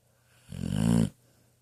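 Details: 10-year-old female pitbull asleep in her bed, dreaming and snoring: a single loud, vibrating snore lasting about half a second.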